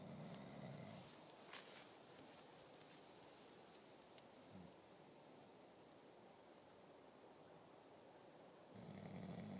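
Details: Man sleeping and snoring loudly, like a bear.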